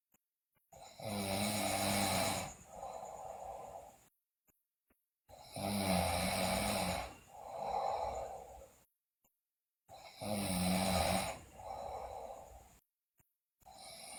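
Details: Loud rattling snores on each breath in, with a softer noisy breath out, at about 13 breaths a minute with brief silent gaps, from a sleeping girl also described with bruxism and delirium; heavy snoring.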